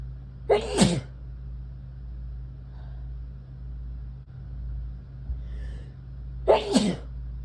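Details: Two sharp, explosive sneezes several seconds apart over steady low room hum; sneezing.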